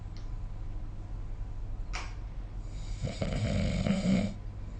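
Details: Snoring during sleep recorded with the SnoreLab app: low rattling snore on a breath, with room noise.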